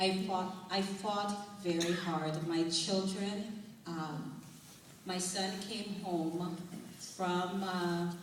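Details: Adult woman whose dialect changed immediately after a stroke-like brain injury in November 2004, possibly permanent, still slow after six months of speech therapy, also using music rhythm therapy; foreign accent syndrome.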